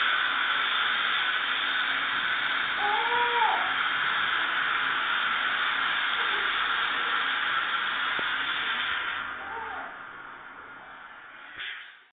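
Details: Steady, high-pitched hissing whine that stops near the end, with faint voices, from a dental drill preparing a young woman's tooth for a filling; dental drilling.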